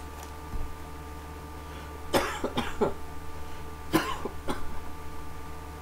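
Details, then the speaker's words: Two short runs of harsh coughs over steady room hum from a patient with cystic fibrosis at home, setting up a three-week course of IV antibiotics; cough in cystic fibrosis. "excuse me again that's probably going to happen a lot more times"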